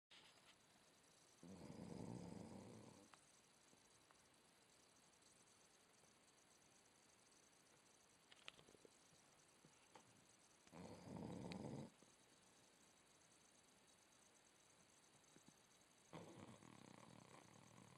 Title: Roxy Blue staff snoring